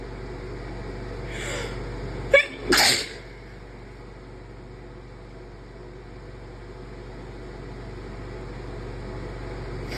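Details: Induced sneeze: a quick inhaled catch followed by a forceful sneeze, with a steady engine-like hum in the background.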